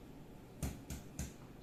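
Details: Three hollow, low-pitched finger-percussion taps over the anterior chest, worked systematically top to bottom and left to right across the anterior lung fields during a physical lung exam; each a brief resonant (sonor) thud: normal resonant percussion note.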